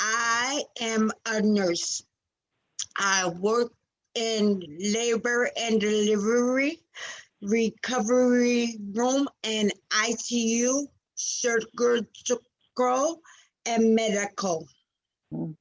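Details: 47-year-old woman with aphasia after a stroke in February 2019, about two years earlier, which struck suddenly while she was working as a nurse and left her unable to speak; finding: aphasia after stroke.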